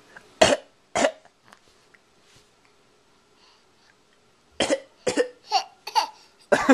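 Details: A child gives about seven short, deliberate, voiced fake coughs (two, a pause, then a quick run), recorded on a Flip Video camcorder: voluntary cough.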